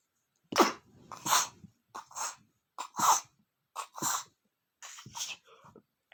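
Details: Male who is still sick, sneezing repeatedly: about eight sharp, hissing sneeze bursts in close pairs, each preceded by a quick intake of breath.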